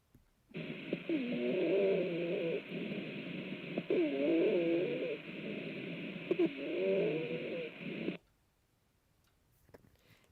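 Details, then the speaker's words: Rhonchi, low-pitched wheezes from secretions or aspiration in the airway, played in a dysphagia breath-sound teaching session: coarse, snoring, gurgling rattles through breaths. "this is due to Something in the airway can be secretions or aspiration so I want you to hear ronai or low pitched whe doesn't that hurt you to listen to listen to it"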